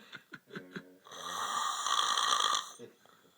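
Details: Man passed out asleep after surfing and partying: a few short snorting breaths, then one long, very loud, rattling, harsh snore about two seconds; loud snoring.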